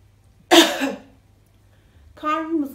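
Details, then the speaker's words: Demonstration of a voluntary effective cough for airway clearance: after three breaths each held three seconds, a single strong, forceful cough burst, then a brief voiced sound. "kasarak kuvvetli bir şekilde öksürüyor"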